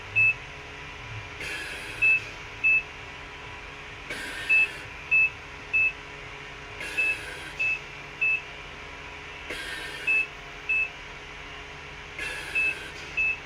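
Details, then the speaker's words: Ambulance mechanical ventilator cycling a test lung at a set rate of 12 breaths per minute, assisting and releasing as lung pressure rises: regular air rushes about every 2.7 seconds with short beeps over steady machine hum. "जैसे ही lungs में pressure बढ़ता है वैसे ही pressure को release कर देता है। आप देख पा रहे हैं जैसे ही लंग्स में प्रेशर बढ़ा, उसने प्रेशर रिलीज किया, यानी कि असिस्ट किया कि वेंटिलेटर पर प्रेशर, लंग्स में प्रेशर बढ़ रहा है।"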